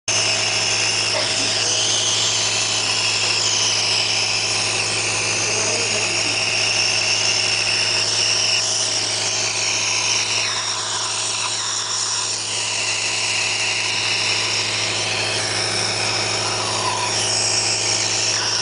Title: NEBULIZADOR THOMAS MEDI PUMP #57